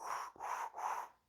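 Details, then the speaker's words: Vocal imitation of a heart murmur: three breathy whooshes representing blood leaking back through a leaky valve (valve insufficiency), as heard on a stethoscope. "unless you have a um a leaky valve or a flap in which case some blood will whoosh back through there and when it whooshes through on your stethoscope you'll hear it"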